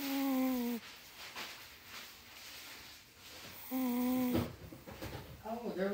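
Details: Two loud, drawn-out, buzzy snores with quieter breathing between, from a pet sound asleep in a small room; snoring.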